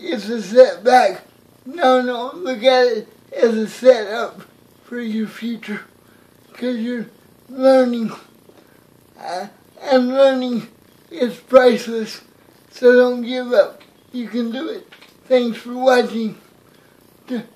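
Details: Man with cerebral palsy talking to camera about reaching goals; dysarthria (cerebral palsy).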